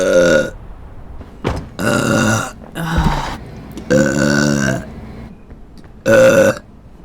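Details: Several loud, drawn-out voiced burps separated by short pauses; ordinary belching.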